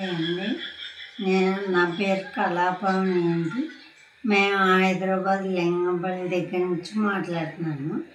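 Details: Woman with cerebellar ataxia for 20 years, who reports her voice changed and improved with treatment; ataxic dysarthria.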